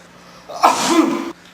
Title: SNEEZING IN A PARALLEL UNIVERSE